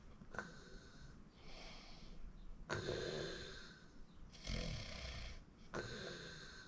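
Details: Self-recorded snoring during sleep: noisy, hissing breaths with a rattling snore on some of them, against room hiss.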